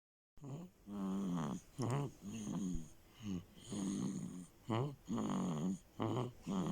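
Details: Rhythmic, buzzy, vibrating snores on each breath, both in and out, in a quiet room: snoring in a male who snores like his father.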